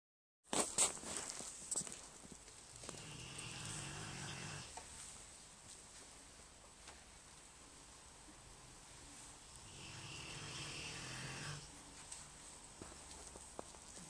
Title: Molly big rottweiler snoring loudly